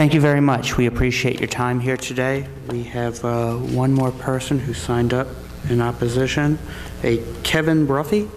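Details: Adult man speaking; normal speech.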